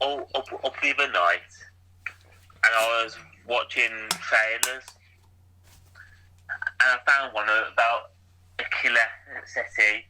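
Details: Stuttering (stammer) in a podcast co-host who still stammers, with repetitions of words or sounds and noises lasting a few seconds.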